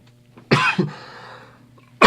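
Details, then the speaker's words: Single harsh, forceful, productive-sounding cough with a quick second burst and a rasping, phlegmy clearing tail while trying to bring up spit; the man had been sick for about two weeks and says he has recovered. "That was a really nasty cough. I really tried to get the spit out. I'm sorry you had to hear that."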